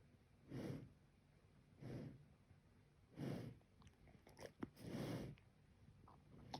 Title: Have you heard pandas sleep and snore